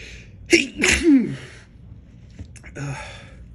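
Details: Adult with recent allergies deliberately trying to bring on sneezes: a catching breath, then a sharp sneeze, followed by a softer second attempt after false starts; allergic sneezing.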